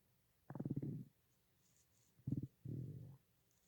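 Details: Stomach growling (borborygmi): three low, gurgling rumbles in a quiet room.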